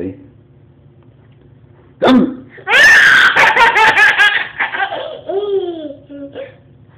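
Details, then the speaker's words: A single abrupt hiccup from an adult father, followed by a baby daughter's hearty belly laughter at his hiccups; hiccups. "Are you laughing at Dad because he has the hiccups? Yeah. You're so silly. Is that funny that Dad has the hiccups?"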